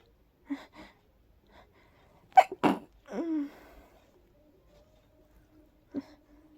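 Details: Soft breathy inhales, then two stifled sneezes and a brief sigh in a quiet room, from a very sleepy person trying to fall asleep; allergy sneezing, trigger unsure, probably pollen.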